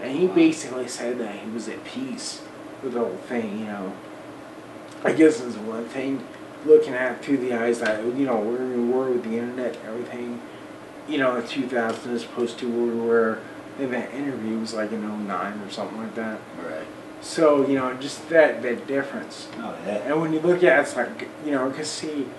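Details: Man almost 40 with Friedreich's ataxia, a recessively inherited, progressive, degenerative neuromuscular disorder with early onset in childhood; uses a wheelchair; ataxic dysarthria.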